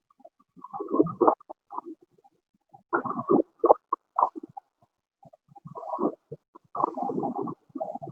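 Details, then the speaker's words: Rough, creaky grating bursts recurring in groups with both inspiration and expiration: pleural friction rub, to be distinguished from pericardial rub by having the patient stop breathing. "cuando yo encuentro un sonido de frote tengo que caracterizar y distinguir saber si ese frote viene de pleura o de pericardio"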